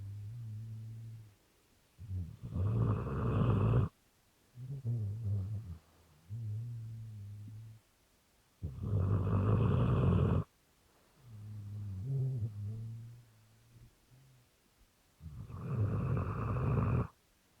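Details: Rottweiler dog snoring in the middle of the night: loud rattling inward snores with softer low rumbling between, roughly three cycles.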